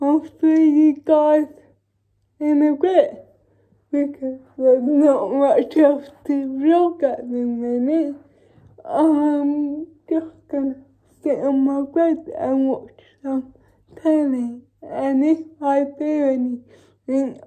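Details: Dysarthria in cerebral palsy, female vlogger, real everyday speech.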